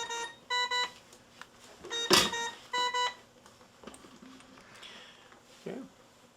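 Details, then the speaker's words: Short high-pitched beeps in groups, with clicks and faint room noise: low pressure alarm (set at 6) on a Newport transport ventilator running SIMV volume control, PEEP 20, demonstration setup. "so we have a little bit of a problem with our low pressure alarm let's go check our alarms"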